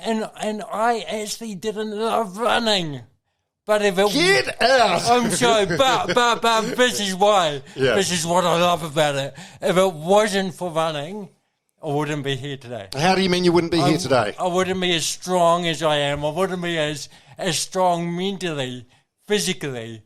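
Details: Adult man with congenital cerebral palsy, a brain injury from oxygen loss during birth, with thinking intact; real dysarthria (cerebral palsy).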